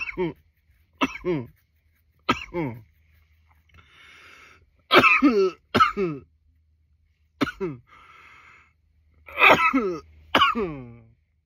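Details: From a nearly 10-minute coughing recording: about eleven short coughs, mostly in pairs, with quiet breaths between; recurrent cough.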